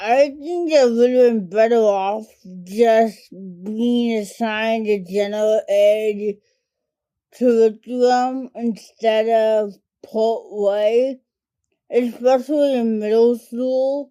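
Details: adult woman diagnosed with cerebral palsy as a toddler, which primarily affects her speech and fine motor skills; dysarthria (cerebral palsy)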